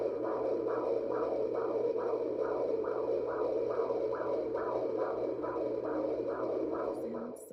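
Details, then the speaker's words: Fetal heartbeat on Doppler at 28 weeks 4 days pregnancy, routine checkup: fast, regular whooshing beat about 140 a minute; heartbeat described as perfect, normal fetal heart rate. "my daughter she's perfect the heartbeat was perfect I mean I also share the her heartbeat is well again"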